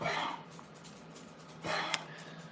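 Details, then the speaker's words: Dog coughing, two short, harsh, breathy dry hacking bursts; the dog has a really bad heart condition and a long-standing heart murmur. "See, [snorts] you guys hear the coughing? I don't know if you'll hear it cuz I'll take this out so you can you guys hear the coughing."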